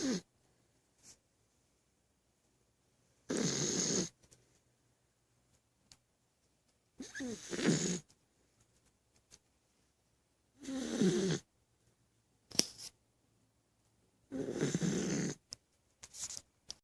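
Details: Sleeping dog: rough, rasping snores with quiet gaps, about 16 a minute, in a quiet room; dog snoring.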